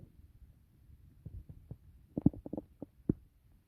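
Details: Bowel sounds heard after a meal of steak, rice with tomatoes and carrots: irregular soft thuds and short gurgles of digestion, stomach growling.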